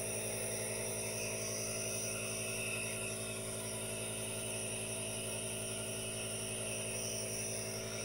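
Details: Aerosol nebulizer running for a no-talking ASMR relaxation recording with hand movements: steady mechanical hum and hiss with a fast pulsing motor buzz, running continuously.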